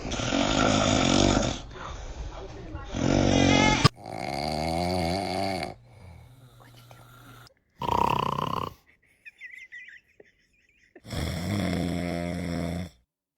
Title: Baby’s scared of dad’s snoring🤣 #tiktok #baby #cute #funny #foryou #babyvideos